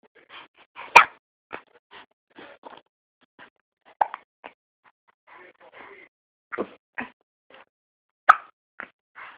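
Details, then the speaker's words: Infant with hiccups; several short, sharp, abrupt hiccups within a few seconds among soft baby noises. "You got the hiccups. You got hiccups?"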